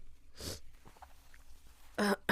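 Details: Female with no allergies, sneezing deliberately induced by sniffing an irritant powder: a short airy burst and faint breaths, then a loud, voiced sneeze near the end.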